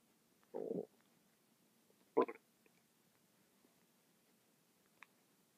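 Short gurgling rumbles and a faint click break a quiet background; ordinary stomach rumbling from gas and fluid moving through the gut.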